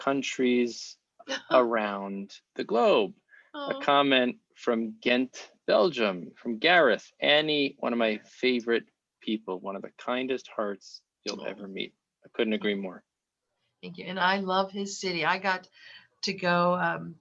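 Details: Adult male speaker; Normal speech.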